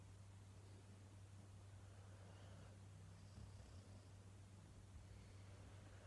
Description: Cuba the Cocker Spaniel snoring after a heavy weekend of walkies